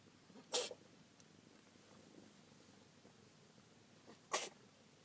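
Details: Small black cat sneezing twice: two short, sharp hissing bursts several seconds apart in a quiet room.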